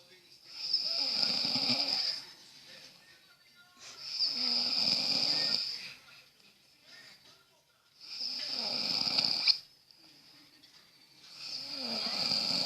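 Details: A person snoring while asleep: about four loud, rasping snores, one with each breath, separated by quiet pauses.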